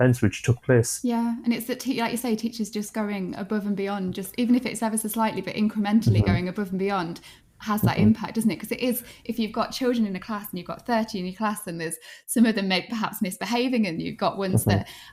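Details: Adult woman speaking; fluent speech.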